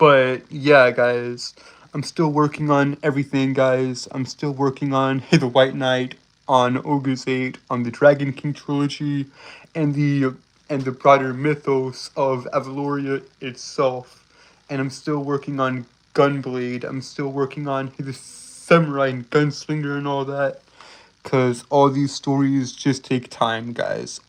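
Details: Stuttering with word and phrase repetitions; male speaker reports a speech impediment causing him to stutter and trip over his words.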